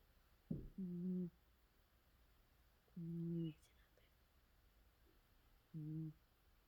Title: cat sleeping snoring sounds 😴